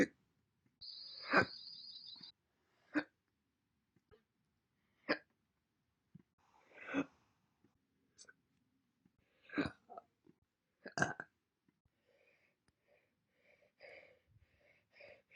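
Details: Several brief, sharp, separate gulping catches spaced a few seconds apart in a quiet room, short tone at start; single hiccups from a compilation recorded January–April 2021.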